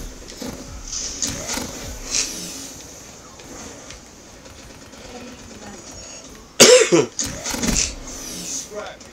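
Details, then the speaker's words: Congested adult, sneezing and coughing a lot: a sudden loud cough burst with a shorter follow-up, over quiet background video game sounds and room noise. "you may hear me sneezing a lot coughing a lot as you can hear i'm very congested"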